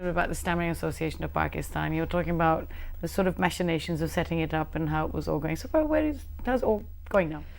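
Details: Adult talk show host; fluent speech.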